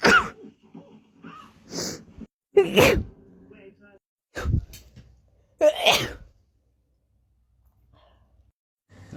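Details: Short compilation of rapid sneezes: four quick explosive sneezes in a row with short breaths between, then quiet; ordinary sneezing.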